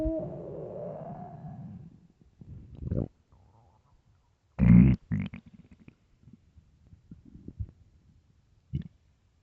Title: best loud empty hungry stomach growls